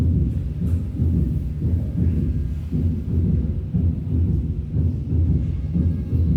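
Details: Third heart sound (S3): low, dull heart sounds about 60 a minute with a soft extra thud early in diastole after S2, from rapid blood striking ventricular walls in volume overload.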